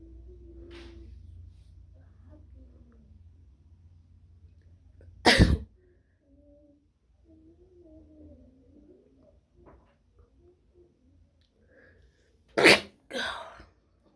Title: Wide Nose Sneezes Africa.